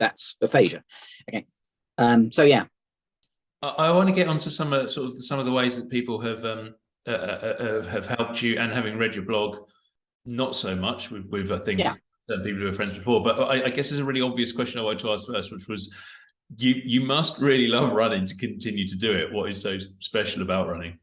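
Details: Adult male interviewer; normal speech.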